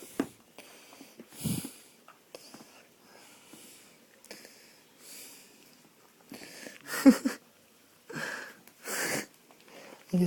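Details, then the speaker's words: Sleeping puppy lying in an odd position, snoring: irregular noisy snorting breaths with a rough flutter and several louder snorts near the end, quiet room; she then wakes. "Look how she's laying down. Is she crying? No, she's snoring."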